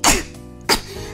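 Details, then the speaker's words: Two short, sharp coughs about half a second apart over background music, from a VTuber streamer who says she coughs when overly excited and is not actually sick. "kalau terlalu excited itu jadinya batuk tapi sebenarnya ko gak gak sakit udah sehat ya"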